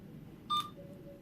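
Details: A single short electronic keypad confirmation beep over quiet room noise from an Alaris syringe pump being programmed for a Lasix dose of 50 mg in 5 ml.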